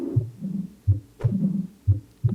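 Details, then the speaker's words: Mitral regurgitation murmur, valve not closing properly, in a heart sounds demonstration: slow heartbeat about 60 a minute with a steady low blowing murmur between beats. "el mitral ese es el también el mitral regurgitación cuando la válvula no se deja bien la válvula mitral"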